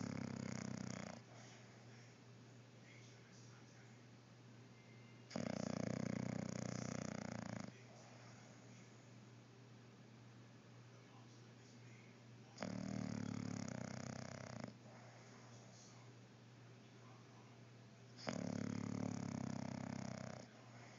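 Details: Slow, long, rumbling snores roughly every six seconds, with quieter breathing between them; steady snoring.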